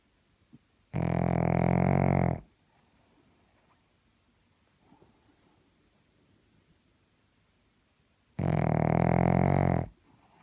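Two loud, low, rattling snores about seven seconds apart, with quiet breathing between; ordinary snoring during sleep.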